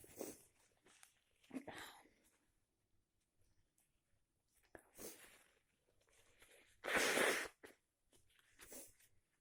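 Several abrupt, explosive sneezes with short breaths between them in a quiet room; a sneezing fit linked to allergies and a cold.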